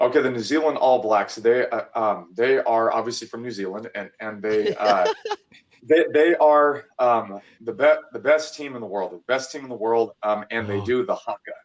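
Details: Stuttering in a 26-year-old man, childhood onset with frequent stuttering treated by speech therapy, still occasional; repeated words heard.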